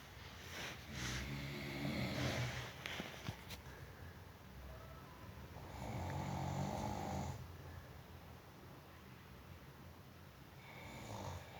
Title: suara naga ngorok#ngorok